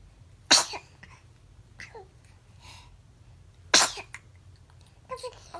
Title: Ranking Cutest Baby Sneezing Moments!😍🤣🥰